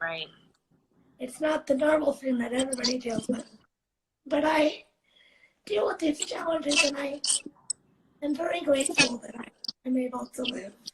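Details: 17-year-old living with cerebral palsy, speaking spontaneously in a live interview; speech in cerebral palsy, possibly dysarthric.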